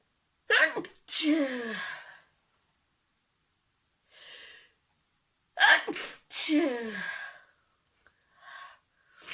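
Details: Sneezing compilation clip: two full ordinary sneezes, each a sharp inward catch then an explosive burst, with softer breaths between.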